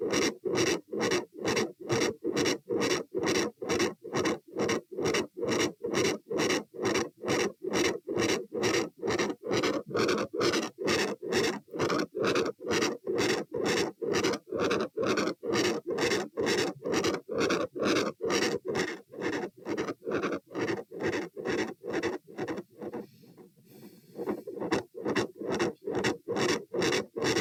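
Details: Stethoscope probe moved through aortic, pulmonary, Erb's, tricuspid, mitral, then aortic areas: rapid, regular, scratchy heart sounds; continuous murmur focused at aortic area, extra click near S2 heard only at aortic area; sound drops on sitting (possible PFO, uncertain).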